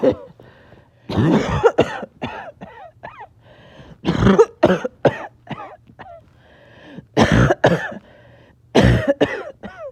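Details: Back-to-back coughing fits with shortness of breath, clips joined together: clusters of harsh, forceful coughs in quick runs separated by brief pauses and in-breaths; a coughing fit.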